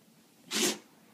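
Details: Female Corgi dog named Roo: a single short, sharp burst of air, a sneeze, while being coaxed to "say your name."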